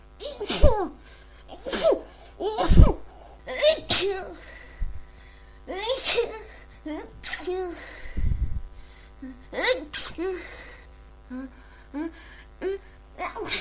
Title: Congested Cold Sneezing